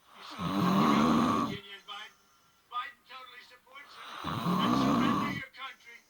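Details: Adult recorded asleep in bed by partner: two long, loud rattling snores on inward breaths, with television speech in the background between them; ordinary snoring.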